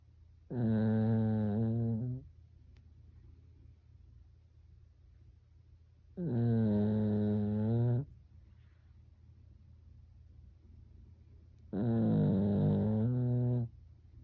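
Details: Sleeping Pekingese dog snoring like a person: three long, deep, fluttering snores, about 11 a minute, with quiet breathing between.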